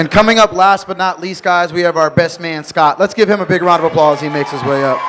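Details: Adult male speaker; normal voice.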